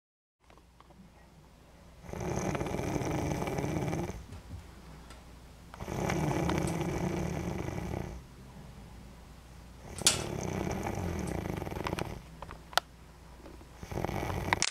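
Loud rasping snores in long drawn phases, about four in fifteen seconds, with quieter breaths between; ordinary snoring in a small room.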